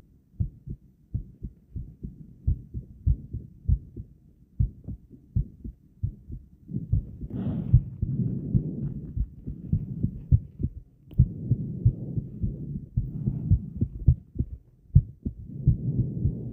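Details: Loud, fast heartbeat about 100 a minute recorded a while after exercise, with breath holds; uneven gaps suggest skipped beats, partly masked by breathing and background noise.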